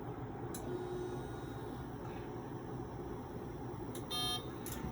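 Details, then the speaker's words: X-ray equipment operation demonstration: a brief electronic beep near the end, over steady machine and room noise, marking the exposure being taken; exposure index afterwards reads 15.6. "my exposure is taken now something that you must verify is the exposure index value"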